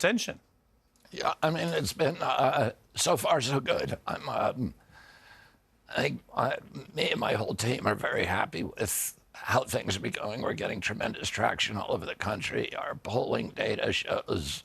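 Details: Adult man; onset at age 42 after a 1996 injury; nerve signals make his vocal cords tighten constantly; surgery in Kyoto about eight months earlier made his voice more reliable, now alternative therapies; spasmodic dysphonia (adductor).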